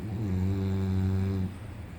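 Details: Female English bulldog pretending to sleep to avoid a walk gives a single loud, deep, droning snore lasting about one and a half seconds; faked snoring.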